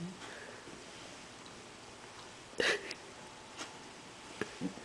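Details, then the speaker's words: Dog sneeze: after hesitating, a dog sneezes into the owner's face — one sharp, snorting sneeze, then a few faint sniffs in a quiet room. "you sneeze. Sneeze in my hand. Sneeze in my hand."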